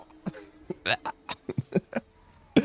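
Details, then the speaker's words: Adult with a cold, their third this year, with cough, runny nose and a congested voice, speaking while gaming: a run of short, abrupt throat sounds and small cough bursts. "でもこの咳と鼻水で、もうすぐ死んでしまうよ。"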